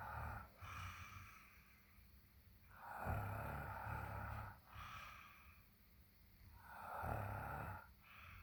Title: Ugh! more snoring!